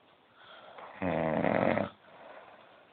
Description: my dad says he cant snore so i video him sleeping and proved him wrong.